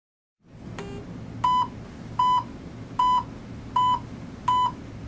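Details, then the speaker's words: Pulse oximeter audible pulse beep in an anaesthesia training on pulse oximetry, after the sensor detects a pulse and shows saturation and pulse rate; the volume is set to a comfortable level. Steady high beeps, about 80 a minute, over soft room hum. "una vez que la unidad ha detectado un pulso se mostrarán la saturación de oxígeno y la frecuencia del pulso ajuste el volumen del bip audible del pulso a un nivel confortabl"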